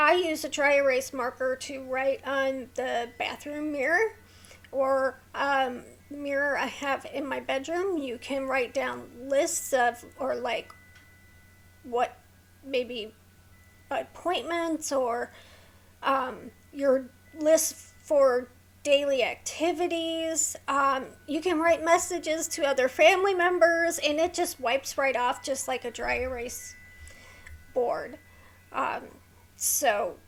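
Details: Adult woman with a neurological condition causing tremor of hands, voice and head, plus mild tardive dyskinesia; her throat has become sore from straining to talk; vocal tremor.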